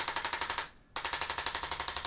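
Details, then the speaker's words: Fast, evenly spaced mechanical taps with a brief gap from a handheld arthrostim chiropractic adjusting instrument used on the lateral leg of a runner with ankle pain preparing for a half marathon. "today we're going to use the little gun it's going to get a little loud"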